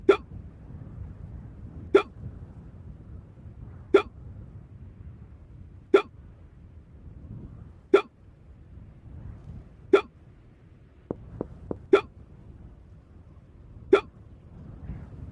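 Sharp, brief hiccup sounds at a very steady pace, about 30 a minute, over quiet background.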